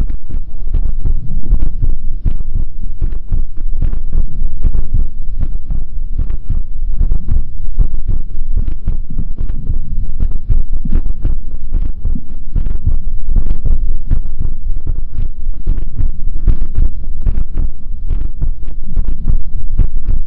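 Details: Steady regular low heartbeat thumps counted at 81 beats a minute, with constant low rumble behind; an ordinary heartbeat for ASMR.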